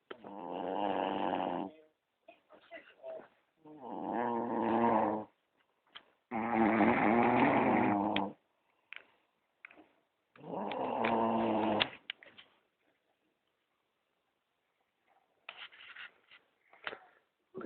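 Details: Woman passed out asleep on a couch; loud, rough, growling snores about every three seconds with quiet gaps and faint sounds between: heavy snoring.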